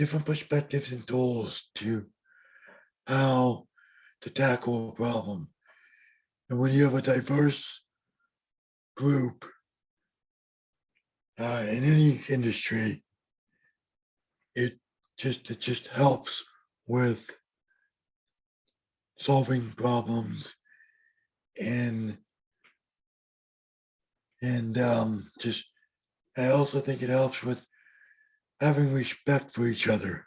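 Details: Adult man with bilateral severe hearing loss since early childhood, mild cerebral palsy, and a vocal cord damaged during surgery; speech showing hearing loss, cerebral palsy and dysphonia.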